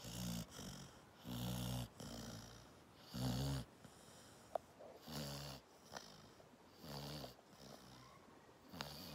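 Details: A sleeping springer spaniel snores for one minute in rhythmic, low, buzzing bursts of roughly 33 per minute.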